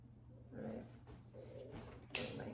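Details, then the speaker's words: Hungry stomach growling (borborygmi) from a person who has not had breakfast, heard while talking during a clothing try-on. "All right, now let's go. Can you hear my stomach? I'm hungry. I haven't had my breakfast just like."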